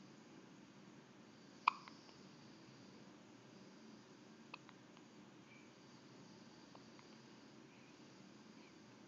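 Two short, sharp hiccups about three seconds apart against quiet room noise.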